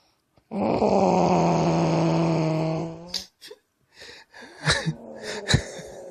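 A long, loud, droning snore on one breath, then quieter snorting and rattling breath sounds; snoring.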